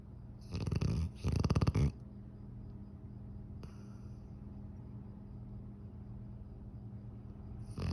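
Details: Sleeping dog snoring: two loud, rattling, fluttering snores close together, then a low steady hum of room noise.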